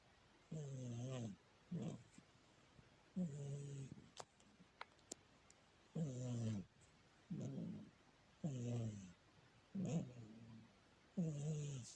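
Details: Cat snoring so loudly the sofa vibrates: loud, rhythmic rattling snores with each breath in and out, about 12 breaths a minute, in a quiet room.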